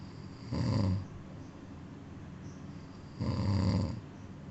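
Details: Sleeping cat snoring: two loud, rough snores about three seconds apart over a steady background hiss, roughly 20 breaths a minute.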